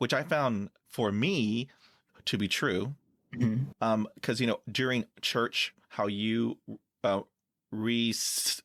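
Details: Stuttering in a man who has stuttered since childhood and says he uses fillers such as "um" and "like" to get past blocks.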